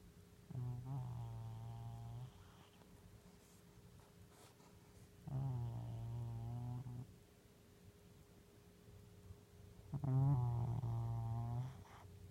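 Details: Sleeping cat snoring in slow, low, buzzing breaths about 13 times a minute.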